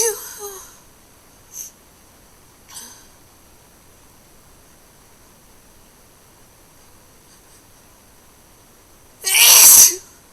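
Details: A wet, hard sneeze, recorded through a poor-quality microphone: a quiet room with a few faint breathy sounds, then one loud, sharp, explosive sneeze near the end.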